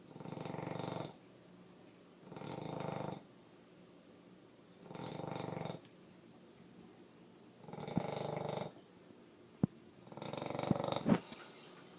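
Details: Female bully-breed dog snoring like a pig: rhythmic rattling snores on each breath, roughly 25 a minute, in a quiet room.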